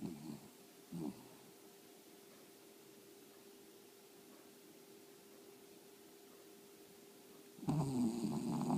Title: Snoring dog